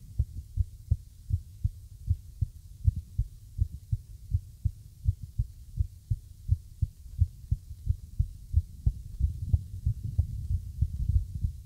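Low, dull heart thumps come at uneven intervals, with gaps and clusters breaking the rhythm throughout; an irregular heartbeat.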